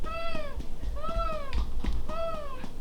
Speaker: but if she starts to make some noises like stridor with each suck, if she's making this noise,